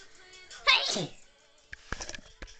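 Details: A single loud, sharp sneeze from a sick person bursts out over a high, tinny tune, then a few soft knocks follow; sneeze.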